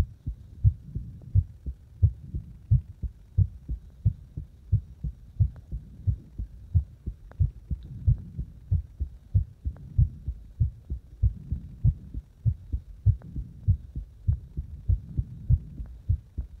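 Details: Heartbeat while deliberately making the heart speed up and slow down: steady, low thumping at about 90 a minute, with the spacing between beats shifting somewhat.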